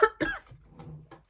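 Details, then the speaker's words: Adult with a harsh cough they are sure is from COVID, still ill and out of breath: two short, harsh cough bursts followed by a softer voiced throat sound, in a small room; cough. "And you can hear I'm coughing quite badly. That's I'm sure that is COVID."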